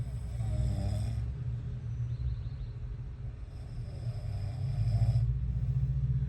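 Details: Snoring from a sleeping person.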